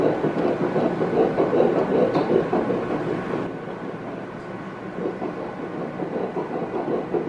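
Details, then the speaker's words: Faint, rapid, rhythmic whooshing of a single fetal heartbeat on ultrasound Doppler at the 7-week IVF scan, rate stated as 154 and normal; quiet because the baby is small and distant. "Oh, It's just, baby's small and a decent distance away, that's why Sure. it's not real loud."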